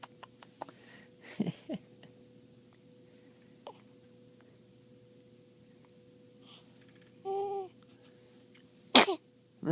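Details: Newborn baby boy, 3 hours old: two small, sharp sneezes in a quiet room with a brief baby vocal sound between them; sneezing.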